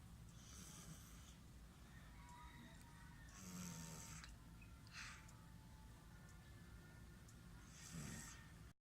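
Soft, snorting breaths at about 14 a minute against steady room noise, the gentle snoring of a sleeping toddler.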